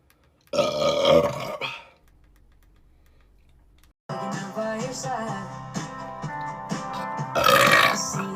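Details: Loud, drawn-out burps separated by a pause, with music in the background, during a TikTok live stream; belching.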